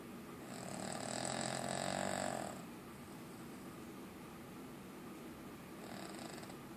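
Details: A long, rasping, fluttering in-breath, then quiet before a second, softer one begins; snoring.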